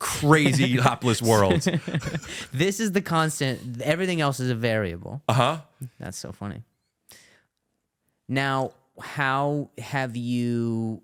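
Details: Adult male comedian who stutters, calls it a stuttering disorder and attends speech therapy, in podcast conversation; stuttering.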